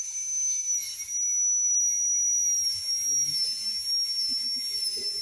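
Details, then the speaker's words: Steady high-pitched whine of a high-speed dental drill cutting tooth, with faint low room sounds, during an invasive veneer preparation for colour change on an anterior tooth. "Si ven, es invasivo porque me tocó tallar para poder respetar el contorno del arco de las otras piezas."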